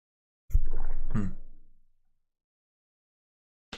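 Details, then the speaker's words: Adult cough, announced beforehand: two muffled, low-pitched cough bursts close together, fading off, with a brief sharp onset at the end. "I'm gonna cough again"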